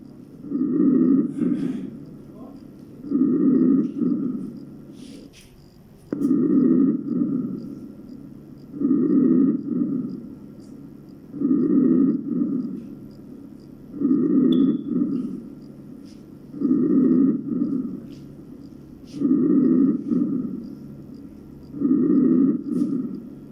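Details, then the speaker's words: Simulated normal vesicular breath sounds from a lung-sound manikin in a skills lab: soft, low rustling breaths about 25 times a minute; normal vesicular breathing. "الآن سنسمع إلى normal vesicular breathing or"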